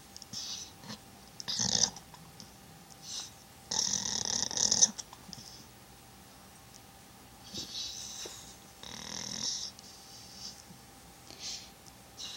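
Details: Pet sleeping: irregular hissy, snuffling breath bursts with a few louder wheezy snores between quiet gaps; snoring.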